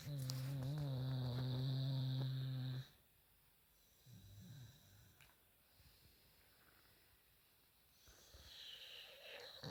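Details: Staffordshire terrier dog snoring while snoozing: a long, loud, low, droning snore, then several seconds of quieter snuffling breaths.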